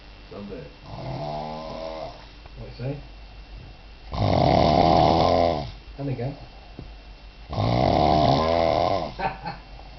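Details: A drunk adult man passed out after drinking cider snores heavily: loud, harsh, rasping snores on long breaths, with softer noisy breaths between.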